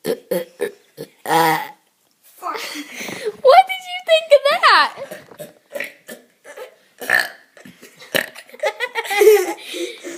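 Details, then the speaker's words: Children taking turns burping, with farts also mentioned: repeated voiced belches, several short and a few long drawn-out, mixed with giggling and chatter. "be quiet we have an orchestra of burping today don't we Drake and farts"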